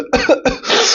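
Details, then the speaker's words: Imitated (simulated) paroxysmal cough demonstrated by a medical student: run of rapid, forceful coughs in sudden intense bouts with spasm between, as in whooping cough. "it's it's like there is going to be sudden intense bout of cuffing right what I did is sudden and intense bout of cuffing and in between there is going to be spasm right"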